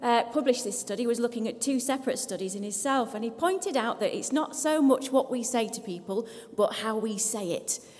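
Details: Adult woman speaking; Normal speech.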